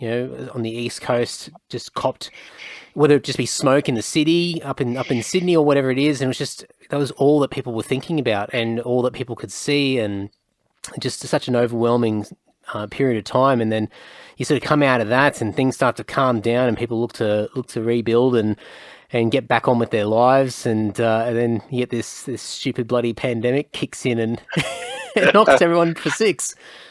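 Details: Adult man speaking; typical speech.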